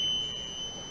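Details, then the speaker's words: Steady high-pitched electronic alarm tone when a home ventilator is deliberately shut down, demonstrating an added open-circuit alarm system built after the ventilator's own alarm failed when it stopped without warning. "now if I shut the ventilator down I'll demonstrate what happens the alarm that goes off when the light is turned off"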